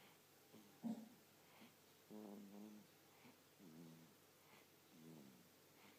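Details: Sleeping person: soft, buzzing, vibrating snores, four in six seconds, with quiet breaths between them; snoring.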